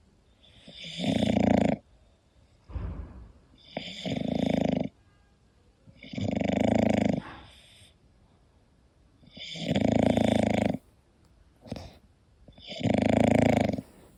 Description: hii, it's Koda, my english bulldog sleeping and snoring, this relaxing video and sound is for everyone and obv for bulldog lovers! Enjoy and follow us, xoxo